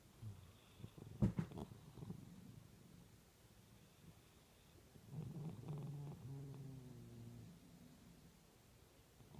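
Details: Orange male cat snoring on a cold evening; snoring.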